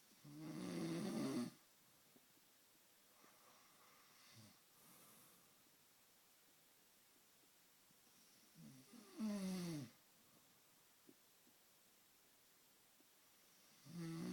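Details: Loud, snorting snores about every 7 seconds with short whistling sounds between them, in a quiet room; snoring.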